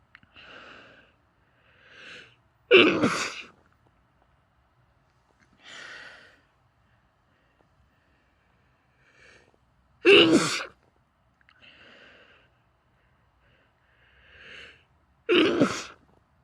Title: stifled sneezes, nose blowing and let out sneezes into a handkerchief (f)